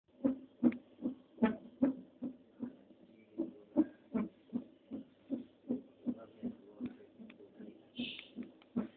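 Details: Fetal heartbeat on cardiotocography (CTG): fast, regular galloping thumps through the monitor at about 150 beats a minute.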